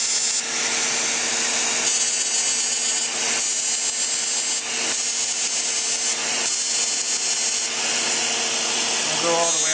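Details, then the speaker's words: Woman, Deep FX CO2 laser resurfacing around mouth and lip, deep enough for spot bleeding: loud steady hiss surging every one to two seconds as laser fires across skin. "This usually gets deep enough to cause just a spot or two of a little bit of bleeding, which is no problem. Means we're getting good and deep."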